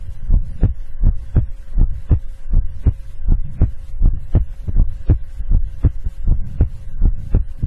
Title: Listen to my heartbeat ASMR, I will hug you tonight! [ASMR 心音] [ASMR Heartbeat]